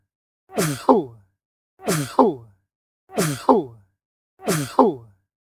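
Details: Four loud sneezes in a row, each a voiced intake rising into a sharp, explosive burst.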